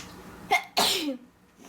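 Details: Induced sneeze: a short sharp intake followed by one loud, hissy burst of air; a single sneeze.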